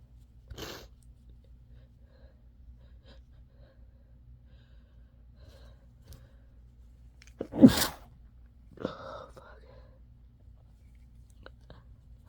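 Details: Sneezing and then blowing the nose in a quiet room: one sharp, explosive sneeze near the middle, followed by nose blowing and a few soft sniffs and breaths.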